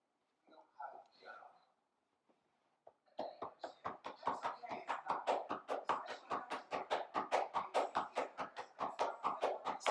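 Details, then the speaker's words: Chest physiotherapy demonstration on a man, percussion with cupped hand and alternating wrist flexion-extension over the thoracic cage: rapid, regular hollow claps, about 140 a minute, correct technique, hollow rather than slapping. "so I'm going to use a cupped hand for this and I alternated wrist flexion extension to try and keep them nice and loose should sound like a nice hollow sound on his thoracic cage"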